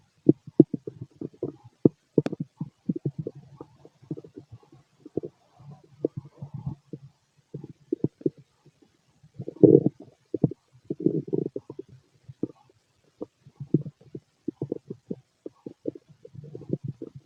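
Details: Male's stomach growling: loud, frequent gurgling and rumbling in irregular bursts from the belly; normal bowel sounds (borborygmi) of a healthy digestive system.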